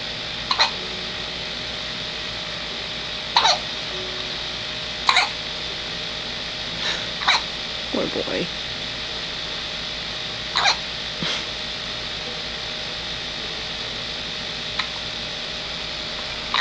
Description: Hiccup attack - 9 days old